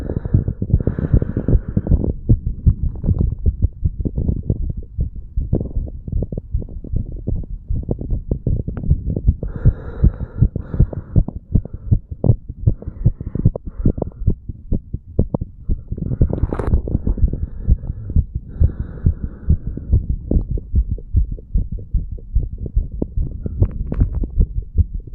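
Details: Heartbeat of a 35-year-old male after exertion (pull-ups and breath holds), recorded over the mitral and tricuspid valve areas: rapid, steady low thumps with bursts of breathing and rustling; normal heart sounds after exercise.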